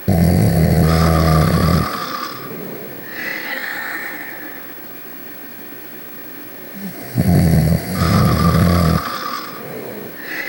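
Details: Ruby and Sonic snoring in sleep: two loud, deep rattling snores about six seconds apart, each followed by a quieter whistling exhale.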